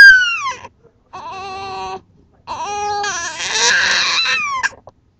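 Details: 6-week-old infant upset by his hiccups: high-pitched, wailing cries in three bursts with brief pauses, rising to a strained, harsh peak: infant crying.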